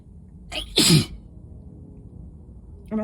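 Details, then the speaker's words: Repeated sneezing fit from dust exposure while sick: sharp inhaled catch and forceful sneeze, next sneeze starting as clip ends; person also reports wheezing. "oh I feel more that definitely feels like I'm gonna sneeze again like that and again oh and again"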